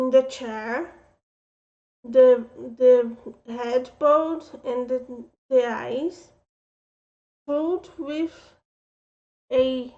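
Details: Speech impediment with mild slurred speech in an adult woman.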